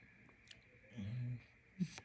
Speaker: Can you hear the snoring? That's.